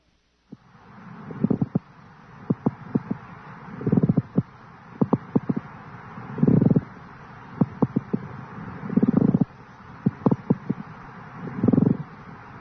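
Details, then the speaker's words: Repeated creaking, grating sounds with each breath, like leather sliding, from a lung-sound teaching recording: pleural friction rub from thickened or inflamed pleura. "the sound produced the pleural friction rub resembles the sound of leather slid"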